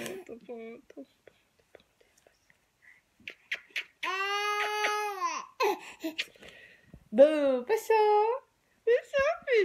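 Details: Infant boy gives short whimpers and a sustained wailing cry when his mother cries, with her soothing voice nearby.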